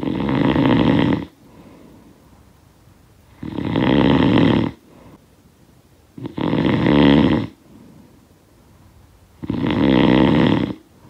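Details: Snoring sound effect: four loud, rough, rattling inspiratory snores at about 20/min, with quiet breathing between.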